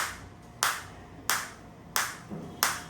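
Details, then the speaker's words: Sharp snapping shots about every two-thirds of a second, from a Biotronix SW7 focused (not radial) shockwave therapy device set to frequency 90, intensity starting around 3–5 and gradually increased. "धीरे धीरे धीरे intensity increase हो रही है। बिल्कुल focus shop wave आ रही है।"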